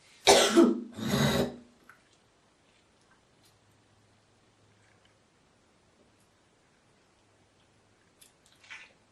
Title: girl coughing, Hocking and spiting❣️